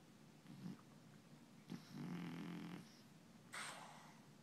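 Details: Soft, low rumbling breaths in a quiet room, two to three slow cycles; gentle snoring during sleep from a twitchy sleeper.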